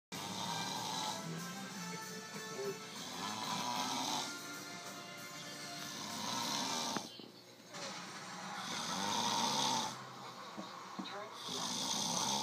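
Loud, regular rasping snores about 22 a minute, with music playing in the background; snoring.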